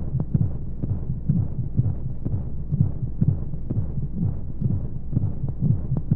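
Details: Womb-sound sleep aid for babies: steady muffled low heartbeat thumps, roughly 125 a minute, with a soft whooshing white-noise hum of flowing sounds behind them, as heard from inside the womb.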